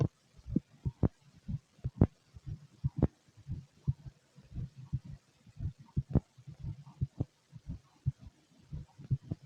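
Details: Heartbeat: soft, low, repeated thumps, uneven in places, mixed with faint gurgling empty-stomach gut sounds.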